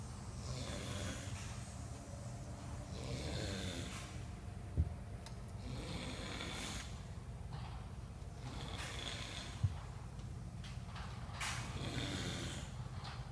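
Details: Man asleep on the job in a warehouse, snoring heavily: loud, rough, low rumbling snores with each in-breath every two to three seconds over room hum.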